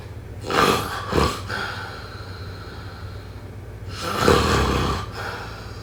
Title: #snoring #snoringasmr #snoringsleepingsoundeffect #sleepsounds #snoringsounds